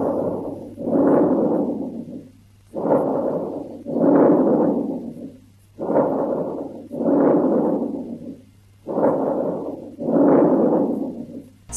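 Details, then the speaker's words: Teaching example of normal clear breath sounds: soft, low sounds with good strong turbulent airflow through four regular breath cycles, with no added noises. "now clear lung sounds are usually soft and low with a good strong turbulent airflow and this is what normal lung sounds sound like"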